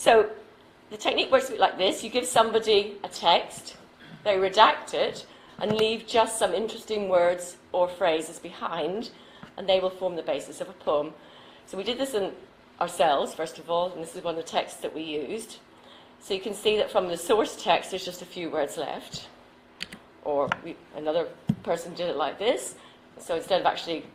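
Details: Adult woman speaking; normal speech.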